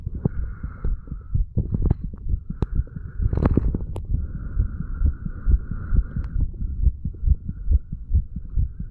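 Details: 35-year-old male under the influence of alcohol, recorded a couple of hours after going to bed, moved from the mitral (bicuspid) area to the tricuspid area; heart sounds.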